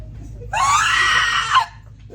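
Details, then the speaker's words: Adult imitates an infant with croup (laryngotracheobronchitis): one loud, piercing, high-pitched crowing sound lasting about one second, likened to a barking, seal-like cough. "That crazy piercing [ __ ] sound I just made like I was high. That was your baby with croo. >> It sounds like a barking cough."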